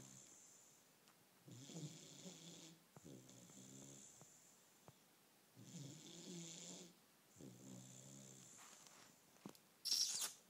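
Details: Bullmastiff puppy snoring: soft, rhythmic rattling snores on the in-breath with quiet gaps, about five breaths in ten seconds.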